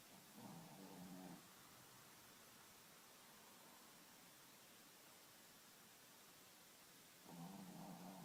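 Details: Two low, rough, buzzing snores from a sleeping pet animal, about seven seconds apart, with a steady faint hiss between: snoring.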